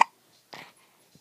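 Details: A baby gives a single short, sharp hiccup, then soft breathy sounds: an ordinary, harmless infant hiccup.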